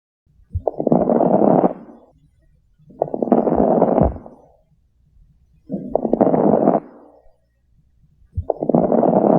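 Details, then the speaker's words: Crackles (rales) played as an example of fluid collecting in the lungs, associated with left-sided heart failure: repeated breath sounds with fine popping and crackling on each breath. "When uh when water collects inside the lungs, because of that, meaning when fluid collects and air flows over it, a sound is created which we call a crackle, also known as a rale."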